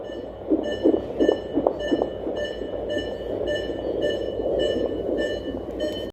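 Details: Fetal heart sounds heard on Doppler during a prenatal check: steady electronic beeps over a muffled, rushing background as the fetal heartbeat is tracked.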